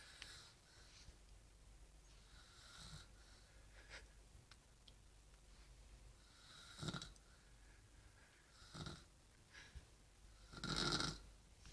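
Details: Adult woman, the uploader's mother, snoring: soft, snorting snores at irregular intervals over steady room hiss.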